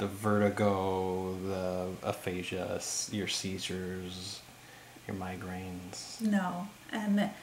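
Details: Adult male speaker; normal speech.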